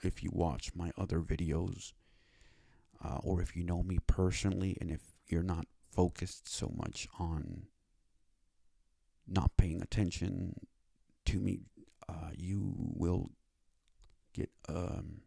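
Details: Speech impairment (speech disability/impediment) in a male with cerebral palsy; it took five years to obtain speech therapy.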